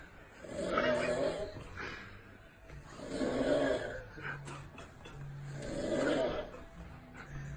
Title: When you have friends like that, and you're Snoring! Super Funny